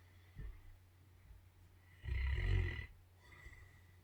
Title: The Charlie, Hugo, Ollie & Okie Show: Hilltop Snore-off